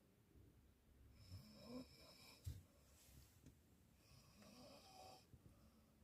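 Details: Teenage girl snoring during sleep: two soft, fluttering snores on slow breaths in a hushed room; light snoring.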